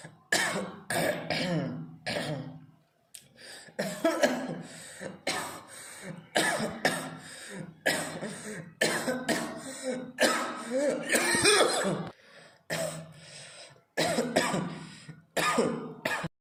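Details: Deliberate, voluntary coughing in quick repeated bursts with brief pauses for breath, kept up for about 50 seconds in a one-minute coughing challenge.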